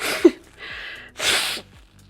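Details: Streamer with a cold and runny nose: sharp explosive burst, then a hissing breath and a second forceful sneeze-like expulsion; sneezing.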